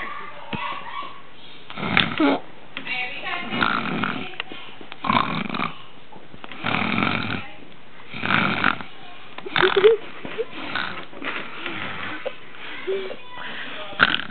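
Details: Snoring at the beach: loud, rattling snores, one with each breath, about five in fourteen seconds, in a quiet setting.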